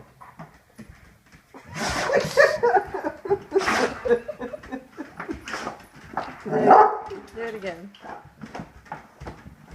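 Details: A dog gives about three sharp, explosive sneezes with soft whimpering noises between them while the owner's voice is faintly heard.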